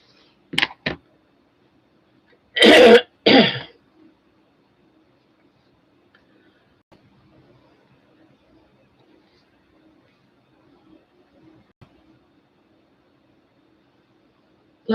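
A quick double throat clear, then two loud dry coughs, followed by near silence and a faint room hum.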